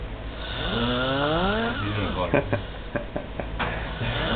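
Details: Person deliberately imitating a very loud snore while awake: a long, rough, voiced drone breaking into rattling pulses; simulated snoring, not sleep.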